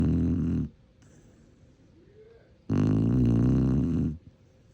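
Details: Sleeping Shar-Pei dog: two loud, deep, rumbling snores separated by a quiet pause of about two seconds; heavy snoring.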